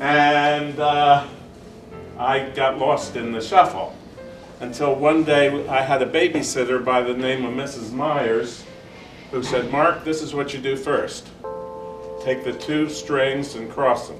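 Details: Adult man speaking; Normal speech.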